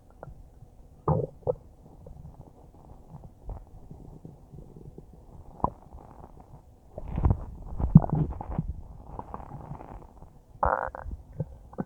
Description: I made this video about a minute after finishing a huge bowl of spaghetti, it tasted pretty good and it made some pretty nice noises as it churned around in my stomach, it's still making small gentle gurgles but it's not long enough to make a whole video of them, sorry for being gone for awhile again, I hope you all enjoy and have a great day!